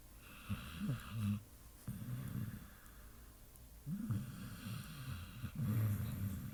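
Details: Pit bull asleep and dreaming, recorded snoring: low, rumbling, fluttering breaths in two long cycles with soft whistly overtones. Snoring.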